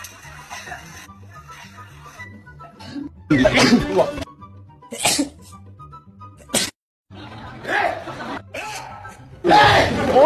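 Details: Several loud sneezes in a row from different people, with music and talk in the background; sneezing.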